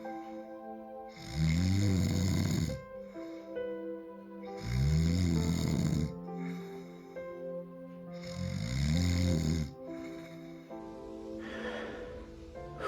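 Deep, rattling snores on each breath in, about 18 a minute, over soft background music.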